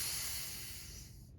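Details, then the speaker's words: Steady hissing rush of air fading over about a second through a respiratory breathing trainer set at easy resistance; the user overrides the pressure, giving a wind-tunnel sound that shows the resistance is tolerated. "you'll over ride the pressure and you'll start to hear a wind tunneling sound going through the device that's a sign that you can tolerate that pressure well"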